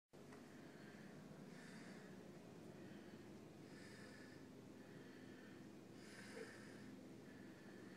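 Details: Sick, worn-out sleeper snoring: soft, rhythmic hissing breaths about every two seconds over steady room hum; a quiet, breathy snore.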